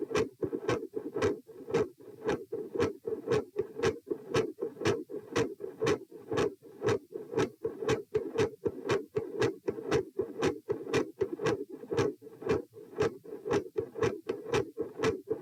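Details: Heart sounds recorded at position p during sitting to standing: sharp, regular sounds with a consistently loud S2, variable S1 and episodes of murmur that come and go.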